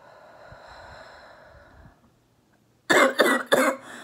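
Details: A female orthopedic surgeon recovering at home from COVID-19 does a phlegm-clearing exercise: after quiet breathing, three strong, loose, rattly, moist coughs in quick succession; productive wet cough.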